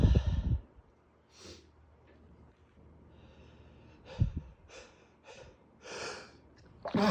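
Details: Male's late-night sneezing fit at bedtime: short nasal bursts and sniffs with quick breaths between, ending in an abrupt sneeze-like burst; sneezing with snorting.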